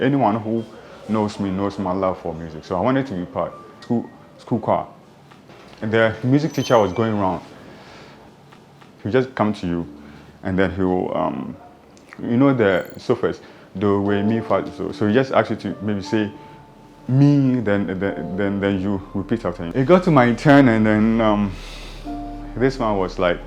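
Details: Adult who stammers, speaking in real life about his or her own experiences; stuttering (stammering).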